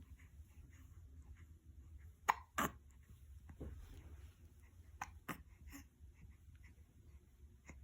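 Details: Baby with hiccups: soft, sharp hiccup bursts a few seconds apart over quiet room noise. Infant hiccups.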